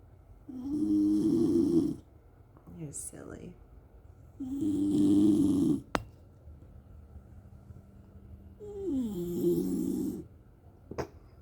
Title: Just another lazy morning with this lil snoring cutie patootie 🥰